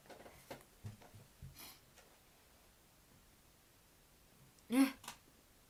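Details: Quiet room with soft breathing, then a single short, sharp sneeze burst from a young Japanese woman, followed by a small after-sound; an ordinary sneeze.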